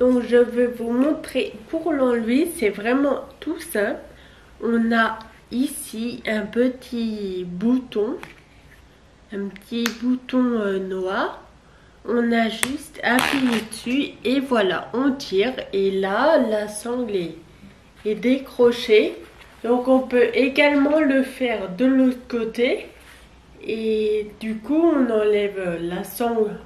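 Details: 27-year-old woman with Friedreich's ataxia, a genetic neurodegenerative disease, which she says makes her speak neither very fast nor very loudly; ataxic dysarthria.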